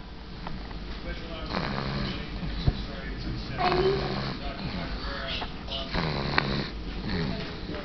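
Rough, rattling snores on breaths in, spaced a couple of seconds apart, over a steady low room hum.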